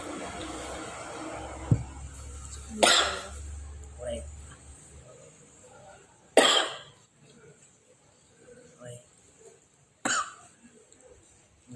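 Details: Person coughing while eating spicy rib meatball soup (bakso iga) with chili: three sharp, separate coughs a few seconds apart, with quiet room noise between them.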